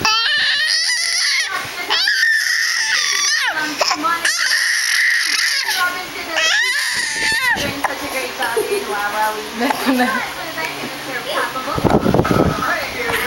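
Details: Young child crying indoors, possibly with hiccups: loud, high-pitched rhythmic wailing in bursts with brief gasping pauses, fading into whimpers.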